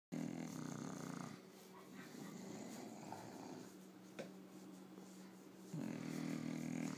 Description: My English Bull Dog "Chewy" falls asleep during a rub down massage & starts snoring.